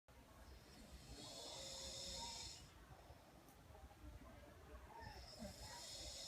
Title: Roncando